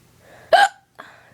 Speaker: I've got the hiccups really bad and yeah so it's just horrible lups